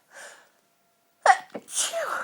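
A soft intake, a pause, then a sharp explosive burst with a voiced trailing release: a sneeze, here from dust allergy.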